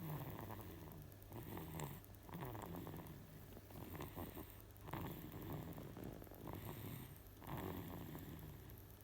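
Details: Soft, low rumbling breaths from a sleeping baby, about 23 a minute; gentle snoring.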